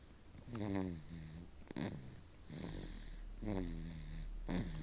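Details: Snoring in a 6-month-old infant: low, buzzing snores with some whistling on the breaths, repeating about every 1.5 seconds, over a steady background hum.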